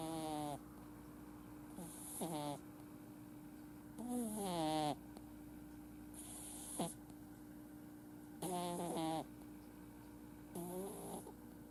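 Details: Male flat-faced Exotic kitten, born July 2018, who usually snores when sleeping, often with eyes half open: soft, high-pitched, squeaky snoring at irregular intervals, about 14 a minute.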